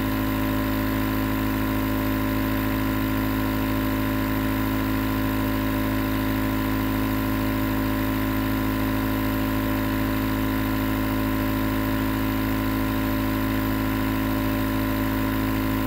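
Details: A nebulizer compressor runs steadily with a constant low mechanical hum and buzz; recorded as white noise for sleep.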